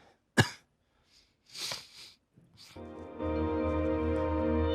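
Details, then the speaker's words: Single sharp adult cough, then softer throat-clearing, before music begins; ongoing cough from an illness lasting a while. "Actually, the cough was so loud, we still hear it. Well, it's not super loud, at least. It's a gentle."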